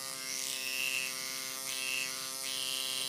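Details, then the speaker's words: Microneedling pen at 0.25 mm depth over the nose area: a steady, high-pitched electric buzz with a fine hum, rising and falling slightly as it moves across the skin. "okay so I'm going to take this I'm going to line it up 2.25 then make a little bit more noise remember the nose little thunder"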